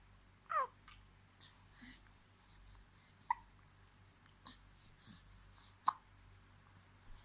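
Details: Hiccups in a girl, possibly about 2 months old (uncertain), who gets many hiccups a day; several brief, sharp, irregularly spaced hiccups in a quiet room with faint background hum.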